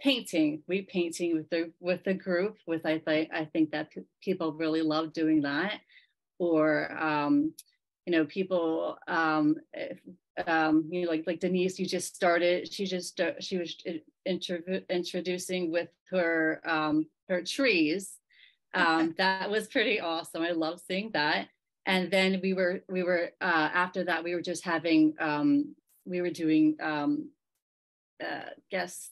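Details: Member of a group of people with aphasia, speaking at a virtual aphasia conference; aphasia.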